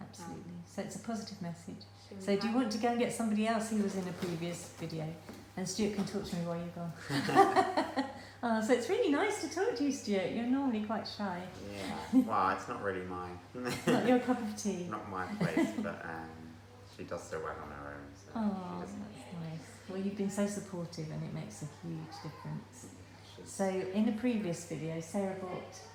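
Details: Adult woman speaking, brief replies from another speaker; no disorder.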